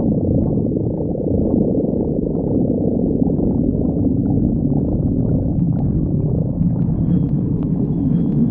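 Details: Loud, continuous low rumbling and gurgling throughout; stomach growling (borborygmi), a normal digestive sound.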